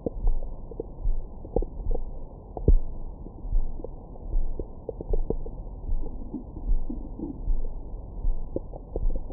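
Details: Abdomen recorded with a Stemoscope stethoscope microphone on the belly after a large meal: low gurgling and rumbling with occasional squeaks, normal bowel sounds.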